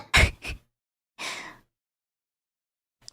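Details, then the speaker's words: Held-back sneeze during a livestream: a quick two-part burst of breath followed by a softer breathy release. "bless you bless you move me that sneeze was the cutest thing i've ever heard"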